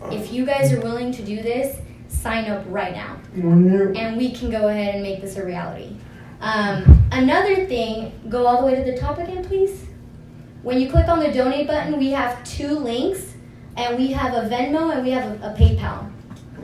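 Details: Adult woman speaking; normal speech.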